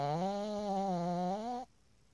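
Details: Pug snoring: a single drawn-out, high-pitched squeaky snore lasting under two seconds, then quiet; typical of a flat-faced dog's narrow airway.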